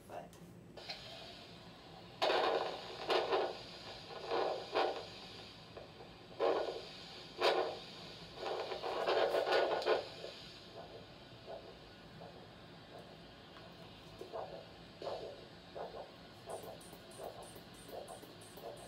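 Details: Handheld Doppler over the left posterior tibial artery of an adult male during ankle-brachial index measurement, which was 1 (normal): rhythmic whooshing arterial pulse sounds; normal Doppler arterial pulse.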